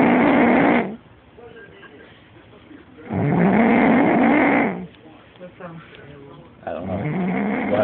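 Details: Heavy snoring from a woman who just returned from Iraq; a possible airway obstruction is suspected. Loud, rough snores on each in-breath, about 16 a minute, with quiet pauses between.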